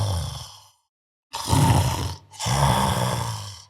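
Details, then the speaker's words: A sleep doctor, awake, imitates snoring with two noises, one on breathing in and one on breathing out, from vibration as the airway structure narrows during sleep; simulated, not real snoring. "Fijaros que hago dos ruidos, uno cuando entra y otro cuando sale. Estos ruidos provienen de la vibración de mis cuerdas bucales."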